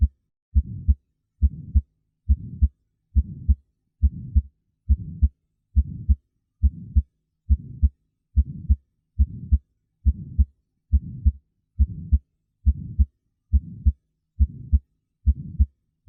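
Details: Innocent (physiologic) systolic murmur: regular heartbeat at about 69 a minute with a soft murmur between the heart sounds, from turbulent ventricular ejection towards the semilunar valves; generally normal, without underlying cardiovascular disease.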